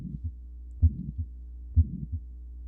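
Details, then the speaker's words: Systolic murmur: a heartbeat near 63 a minute where the clean first heart sound is replaced by a soft swishing sound running from S1 into systole, while the heart contracts. "Instead of that clean S1 sound, you get kind of a swishing sound with S1."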